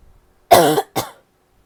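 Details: Female with two short, harsh coughs with a hoarse, bark-like voiced edge, the first longer and stronger: barking cough.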